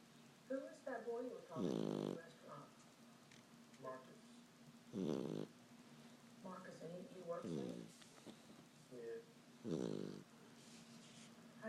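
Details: Sleeping puppy snoring: soft snuffling breaths alternating with loud, buzzing snores about every three to four seconds, with a steady hum behind; snoring.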